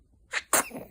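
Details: 2-month-old baby: a quick indrawn breath, then one sharp, high-pitched sneeze trailing off into a soft breath.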